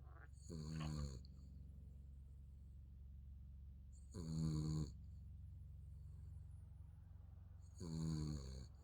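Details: Sleeping baby snoring: short, buzzy snoring sounds about every 3.5 seconds, about 16 breaths a minute, over a steady low hum.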